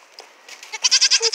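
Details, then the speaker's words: Baby goat during weaning with laryngitis from days of screaming: brief raspy, pulsing hoarse bleat with a thin squeak; hoarse voice that carries less. "sometimes they squeak and it's really funny but for the most part they're just hoarse and it doesn't carry as far so it's a little bit more bearable"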